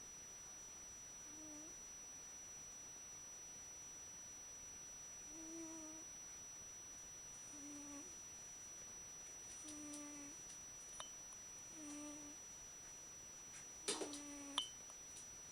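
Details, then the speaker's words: Sleeping, almost deaf cat snoring: soft, regular nasal snores about 30 per minute over quiet room hiss. "Baby Queen is sound asleep and snoring."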